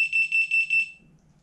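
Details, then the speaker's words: A rapid run of high-pitched electronic beeps for about a second, then silence: an adult transport ventilator alarming as oxygen is set to 50% during pre-connect setup training, then silenced. "I'm gonna know that it's going to alarm it when I do this but that's okay because I'm just going to turn it off"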